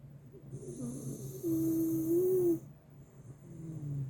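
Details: Miniature Schnauzer snoring loudly and persistently while lying beside a buddy: a single breath with a thin, whistling squeak over a faint rasp; snoring with whistling note.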